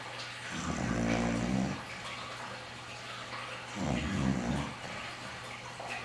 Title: Snoring Bulldog and Sleep Apnea